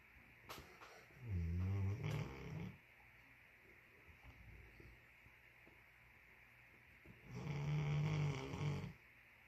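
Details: Two deep, rumbling snores separated by quiet pauses from a sleeping Great Pyrenees dog: ordinary snoring.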